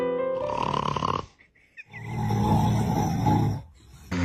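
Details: Two long, loud, rough snoring breaths with a short quiet pause between, over background music, from a sleeping dad; loud snoring.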